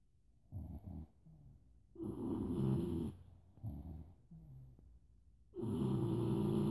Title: Morning duelling snoring :)